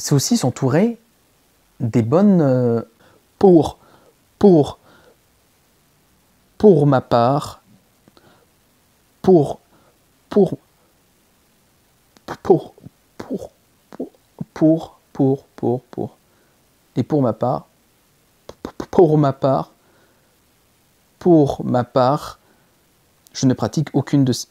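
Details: Stuttering in a male speaker with onset around age 4. It was treated by a speech therapist but recently returned strongly with blocks. This clip has repeated restarts of the same phrase.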